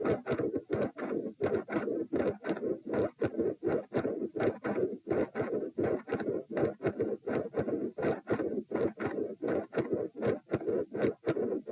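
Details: Heart sounds recorded at position p while standing: loud harsh scratchy beats in a steady rhythm, murmur fading in and out, then a pattern change with loud split S1 and S2 and murmur; possibly L-R pressure.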